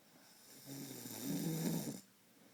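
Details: A man's nightly snoring: one low, rumbling snore during a breath in, lasting over a second, in a quiet room.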